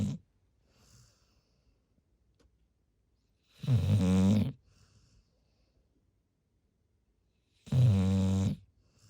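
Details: Large retriever dog asleep, snoring loudly with deep, buzzing snores on each in-breath about every four seconds, roughly 15 breaths a minute, near silence between: snoring.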